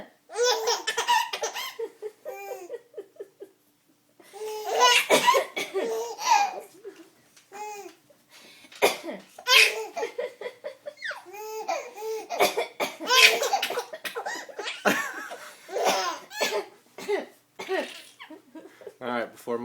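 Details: A mother's bursts of coughing run together with laughter, in fits that break into giggling and catching of breath.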